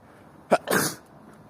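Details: Someone who says a kind of flu is coming on and they are constantly sneezing: a quick intake followed by one sharp, explosive, hissing burst; a single sneeze.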